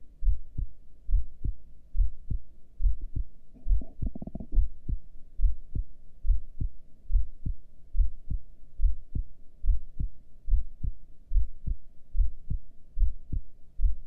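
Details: Normal heartbeat recorded during a breath hold with heart rate display: steady, clear beats at about 71 a minute, with a brief rustle partway through.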